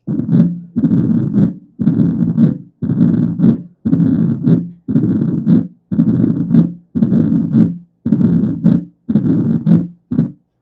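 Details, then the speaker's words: Rheumatic mitral regurgitation: heart sounds about 58 a minute with an early systolic snap fused to S1, so the first sound seems split, followed by a long rough systolic murmur filling each beat. "Se escucha un desdoblamiento, un tutum, tutum, tutum, y después un soplo. Correcto. Esto es un chasquido protosistólico pegado al S1. Esto nos dice que es algo reumático."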